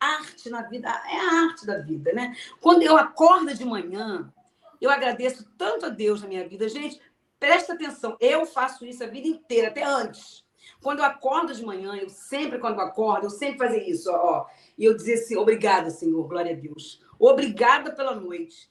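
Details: Adult woman with aphasia as a sequela of a stroke suffered 12 years earlier; post-stroke aphasia.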